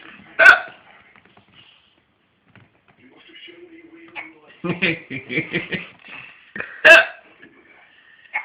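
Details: Baby hiccups: two sudden, sharp catches several seconds apart, with an adult talking between them.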